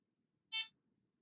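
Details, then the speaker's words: Single short high electronic beep from a Fresenius Kabi Amika ambulatory enteral feeding pump, upstream occlusion alarm with flashing orange light, signalling a blockage between the feed bag and the pump, in a quiet room. "Alarme. Occlusion en amont. Le voyant orange clignote. Stoppez l'alarme en appuyant sur le bouton Stop."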